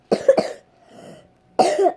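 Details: A quick pair of coughs, a soft breath in, then a third cough; a child's cough.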